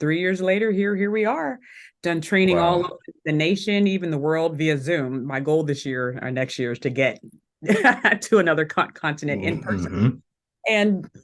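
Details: Adult woman who still stutters today, speaking in a podcast interview: stuttering.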